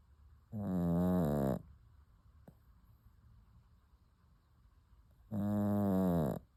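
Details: Two loud, rattling, buzzy snores about five seconds apart with quiet exhalation between, from a sleeping puppy; snoring.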